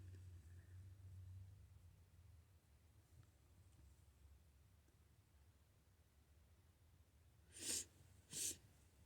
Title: Good morning, sneezes!